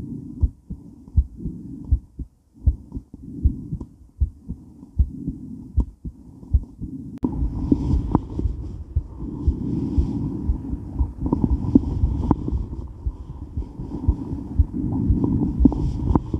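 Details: Woman's heart during and after weight training, recorded while moving: fast, pounding heartbeat near 118 a minute with heavy breathing, movement and rubbing noise; exercise tachycardia.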